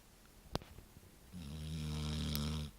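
A brief click, then one long, rumbling, fluttering snore on an in-breath; ordinary snoring.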